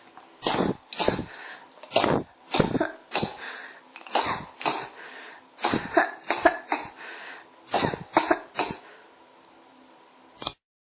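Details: Coughing that won't stop (ASMR-tagged recording): about fourteen harsh cough bursts in quick succession over ten seconds, some in pairs; repeated cough.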